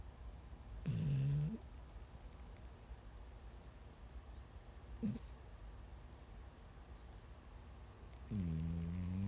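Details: Dog Daisy napping: three low, buzzing snores a few seconds apart, about 20 breaths a minute, over steady background hiss.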